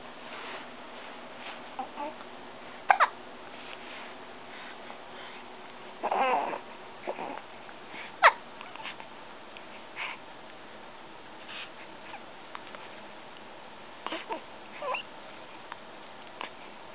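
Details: A 2-week-old baby boy has hiccups: faint, brief, sharp catches that recur irregularly over quiet background noise.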